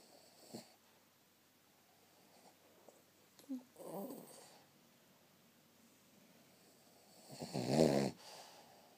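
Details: Cavalier King Charles Spaniel puppy snoring while asleep: soft, rough snorting breaths a few seconds apart, ending in one louder snore, quiet room.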